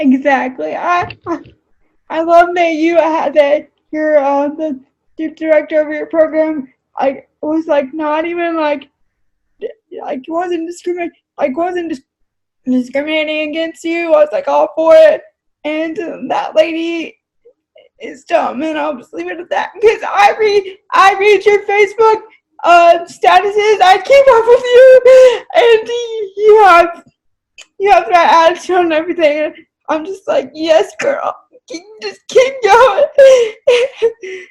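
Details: Adult woman with cerebral palsy who uses a wheelchair; dysarthria due to cerebral palsy.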